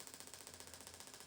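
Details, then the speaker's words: Shockwave therapy for biceps tendinopathy at the front of the shoulder, low bar pressure, 12 Hz, 2,000 shocks: rapid, regular sharp clicking pulses, about thirteen a second, as the device starts up during treatment. "when we start up a shock wave machine so it's always really useful to warn your patient how the machine is going to sound and you can even start it and apply it on yourself briefly just to get them used to it"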